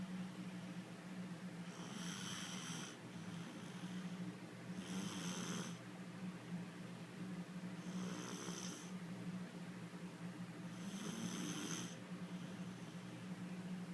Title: The little girl is snoring